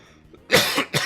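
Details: Two quick, harsh cough bursts from an adult mid-speech after a brief pause; speaker described as very sick; cough.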